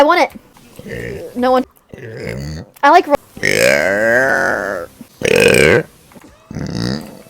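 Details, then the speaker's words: An adult VTuber streamer says "I'm just going to burp" and gives loud, drawn-out voiced burps between short bursts of speech; burping. "I'm just going to burp"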